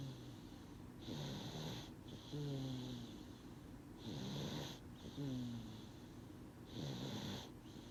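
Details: Sleeping infant snoring after being sleepy but resisting sleep: soft, regular snores, about three breaths in eight seconds, with a faint rattling tone on each breath.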